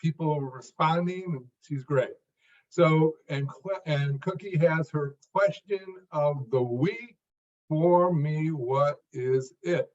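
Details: Adult man who stutters, formerly severe (could not read aloud even alone), later much improved through work and practice but still stuttering; stuttering.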